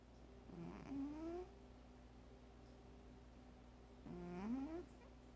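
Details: A sleeping cat snores twice over quiet room hum; each noisy breath ends in a rising whistly squeak, about three and a half seconds apart.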